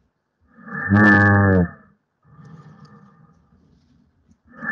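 Loud, low, buzzing tonal bursts separated by a quieter rushing airflow sound, produced by an elastic-tube airway model: simulated flow-limited inspiratory snoring.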